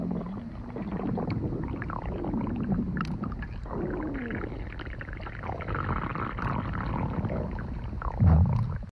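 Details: Person's stomach growling while asleep: long, continuous low gurgling and squeaky rumbling from the abdomen; ordinary bowel sounds (borborygmi).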